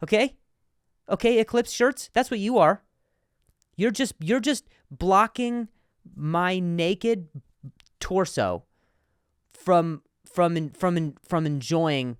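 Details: Adult male comedian who stutters, speaking in a podcast monologue, with word and part-word repetitions: stuttering.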